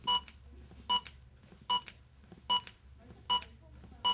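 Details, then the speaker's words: Steady electronic beeps at about 75 a minute from a ZOLL AED Plus Trainer 2 with CPR metronome on, pacing chest compressions after a simulated shock in a training scenario; AED CPR metronome beeps. "be used during the CPR interval while the trainer 2 unit is beeping in a scenario with the CPR metronome on push the left button once to make the trainer 2 say push harder push the right button once to make the trainer two say good compressions"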